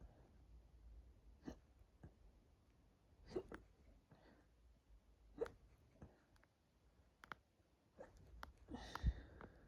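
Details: Hiccups induced by drinking lots of water, recorded at the stomach of a tight, bloated abdomen during a silent stretch; brief sudden jolts and soft gulping catches every second or two in a quiet room. The hiccups later hurt the chest and throat.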